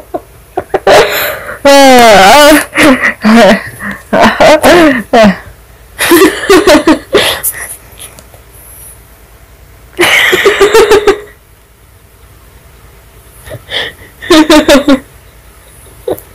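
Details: Adult man (daddy) sneezes loudly: one loud, explosive sneeze among bursts of voices and laughter in a small room; sneezing.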